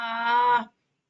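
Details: Simulated strained voice: a female speech-language pathologist demonstrates a voice with poorly coordinated vocal cord movement, as can occur in ataxia, contrasted with her normal voice.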